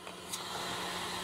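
Steady rushing airflow hiss from wall suction running through unhooked tubing; it sounds on, but suction pressure still needs checking for a leak.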